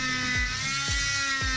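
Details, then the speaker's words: Oscillating cast saw on high setting cutting a fiberglass cast, starting at the first web space with down-and-up passes, then radial side of wrist: steady high-pitched motor whine with brief dips as the blade moves. "showing this video in real time and with the annoying noise so you can get an idea of how long this takes"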